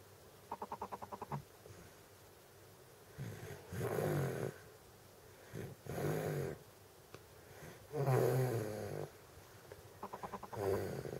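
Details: Sleeping baby with Down syndrome snoring: low, rough, fluttering snores with each breath.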